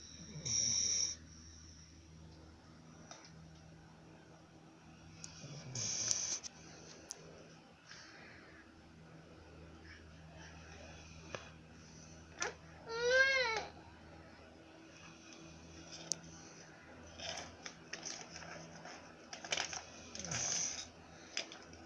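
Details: A sleeping female dog snores in irregular, spaced snorting breaths with a faint whistling edge. Snoring.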